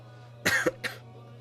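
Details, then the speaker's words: Two short, harsh coughs from an adult whose voice is poor, the first stronger, over a faint steady hum; a cough. "you will hear me coughing sometimes"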